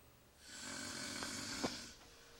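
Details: Shirtless, hairy-chested man snoring in sleep, tagged sleep apnea: one long, airy, rattling snore of about 1.5 seconds with a soft snort near its end.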